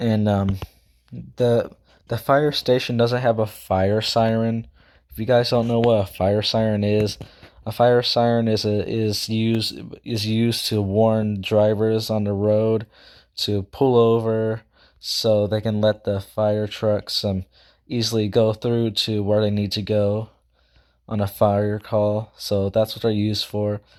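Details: Self-reported stuttering in a male speaker who also says he talks too fast and cannot speak properly; stuttering.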